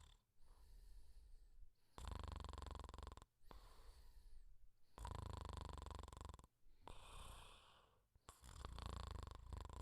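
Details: Cartoon character (Pink Panther), not a real person, snoring quietly: slow rhythmic deep rattling in-breaths alternating with quieter out-breaths, about three cycles; simulated snoring.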